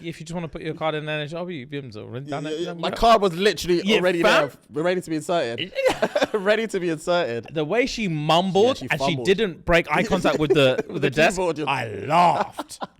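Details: Adult man speaking; normal voice.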